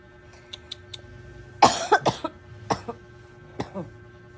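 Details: A run of about four harsh coughs from an adult woman, then a weaker one, in a quiet room with a faint hum; she has a fever of 37.8 and a headache when coughing.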